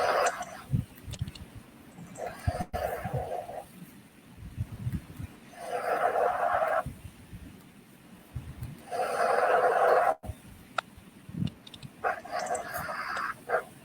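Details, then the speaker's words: Wheeze: noisy breathing with a whistling, musical sound on each breath from narrowed airways, over background noise, played as an example of wheezing in infants and children. "Bunyi berdecit atau bersiul ibaratkan kalau kita tiup melalui Isra yang salurannya sampai begitu menyentuh kedamaian"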